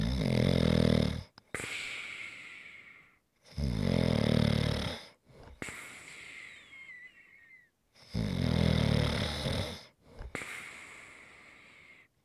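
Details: Snoring recorded as ASMR relaxation audio: loud rattling inhaled snores alternating with breathy exhalations, one with a brief whistle, about 13 breaths a minute; heavy snoring.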